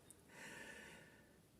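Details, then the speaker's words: A sleeping dog snoring on a quiet, chilled-out morning: a single soft, snuffly inhaled breath with a rough, airy rattle in a quiet room. "don't know if you can hear Mr. Bear snoring his head off down there."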